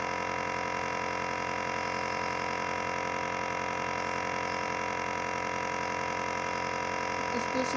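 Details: Steady mechanical hum with fast, even pulsing throughout: a compressor nebulizer running during a baby's nebulizer treatment for cough.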